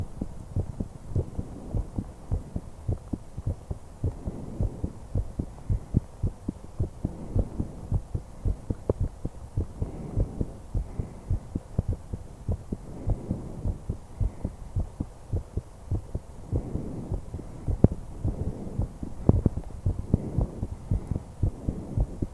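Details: Heart and breath sounds of a 21-year-old female: steady low heart thumps around 105 a minute with soft breathing swells underneath in a quiet chest recording; normal heart and breath sounds.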